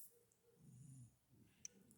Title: Sapphire Cat Snoring While Awake, #LiveAlive #PlayEveryDay